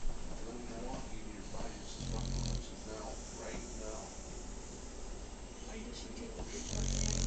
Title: My Dog Snores!